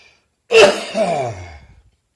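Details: Lingering cough from bronchitis that has not fully cleared on New Year's Day: one harsh, throat-clearing cough followed by a voiced, falling groan.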